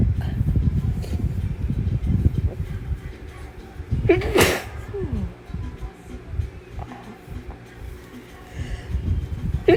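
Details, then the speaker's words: Sneezing induced by chhinkni sneezing powder: one loud, forceful sneeze over low room noise, followed by a brief voiced catch. The sneezer had probably never sneezed like this before and tried to keep it quiet from roommates. "Honestly, probably have never sneezed like this in my life. But hey, at least it works. I hope my roommate can't hear this."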